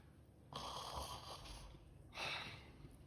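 Two rough, fluttering inhaled snores against quiet room noise. Snoring.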